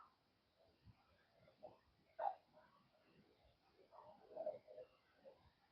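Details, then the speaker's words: Adult during gentle post-ostomy-surgery yoga from bed: soft, irregular gurgles and bubbling from the stomach, bowel sounds taken as a sign of rest-and-digest state. "I don't know if you can hear my stomach gurgling, but this is a good sign. This is a sign that our body is in a rest and digest, which is the complete opposite to like fight or flight mode."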